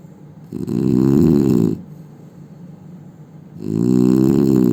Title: Indian man snoring sound